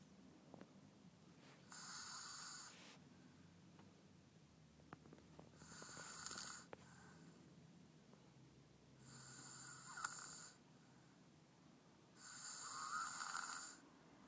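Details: Snoring from a very tired male sleeping deeply: four hissing, fluttering snores at about four to five per minute, with quiet breathing between them.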